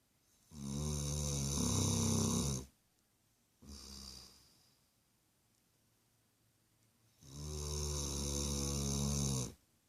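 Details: Sleeping dog: loud, rumbling snores on each breath in, about 18 a minute, with a softer snore between them; snoring.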